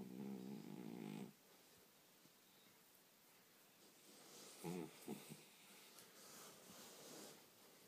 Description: My 5 year old Chihuahua Charlie has a snore that is hard to believe. Here he was just getting started but my wife disturbed him before he could rely get going.